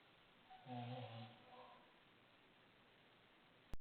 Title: Paranormal Activity snoring ran me out of my own bedroom. I don't know what happened to my husband.